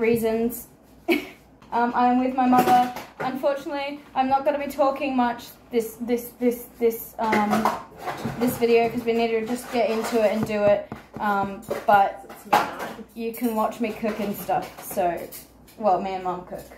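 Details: Tourette syndrome with vocal tics in a female speaker, a neurological condition; word repetitions during ordinary talk while cooking Christmas food with her mother.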